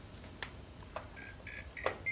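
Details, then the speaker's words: Fisher & Paykel HC500 heated humidifier for tracheostomy use, attached to a Trilogy 100 ventilator: short high-pitched beeps over faint room noise, a connector alarm persisting after the heated wire adapter was exchanged. "and of course that would stop the alarm if that was the issue so now what do we do if we've exchanged that and it's still alarming a connector we still got a connector alarm that would be this wire"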